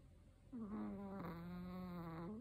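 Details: A single drawn-out, tonal, buzzing snore, loud and musical, from a sleeping 13-year-old male Chihuahua; snoring.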